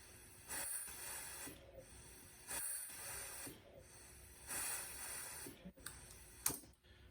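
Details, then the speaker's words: RespiraWorks ventilator demonstrated cycling at 30 breaths per minute, the upper limit of its operating range, on pressurized oxygen with a low compliance setting; steady machine hiss with regular breath pulses about every two seconds as it controls well. "And you can see the ventilator controlling well at 30 breaths per minute. We'll note that we are using a low compliance setting here for such a fast respiration rate."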